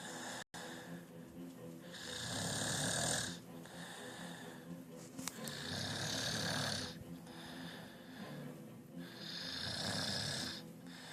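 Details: A person snoring loudly: repeated harsh snoring breaths, about 17 a minute, with faint music or talk in the background; ordinary snoring.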